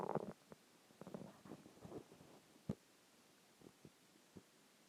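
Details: Low gurgles and short bubbly rumbles with a few isolated pops; ordinary stomach growling (borborygmi).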